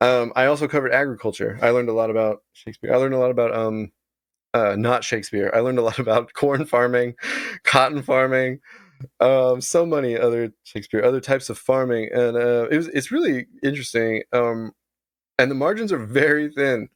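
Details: Adult man with Tourette syndrome whose vocal tic is involuntarily saying the word "Shakespeare".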